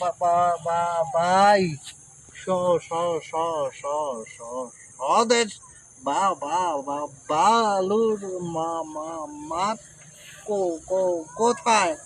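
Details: Acted stuttering in a comedy skit, with repeated syllables and words.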